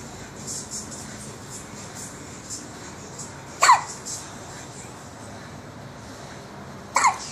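Two sharp, brief catches of breath about three seconds apart against quiet room noise; infant hiccups, a harmless common event.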